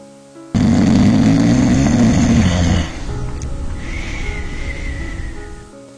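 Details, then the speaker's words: Snoring during sleep: a loud, rattling snore on the in-breath, then a quieter out-breath, with music in the background. "snoring occurs when the airway becomes partially blocked forcing the lungs to inhale harder to compensate for the lack of air entering the body"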